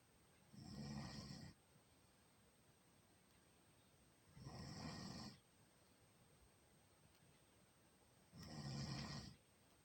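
Three rumbling snores on inhalation, roughly 15 a minute, with quiet pauses between; ordinary snoring.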